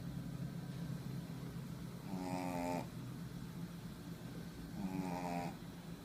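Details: Sleeping female shih tzu dog: two slow, rattling breath sounds about six seconds apart over steady room noise; snoring.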